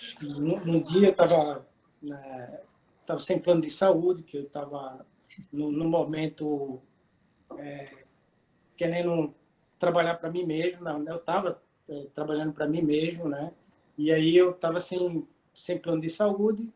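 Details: 40-year-old man with aphasia for two and a half years after a stroke at the gym. Initially fully mute, with right-side motor loss that resolved with medication; sequelae are aphasia and peripheral vision loss; ongoing difficulty with words, reading, writing and numbers; aphasia.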